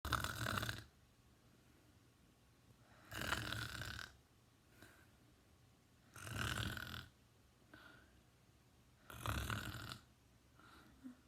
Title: Teen boy snoring!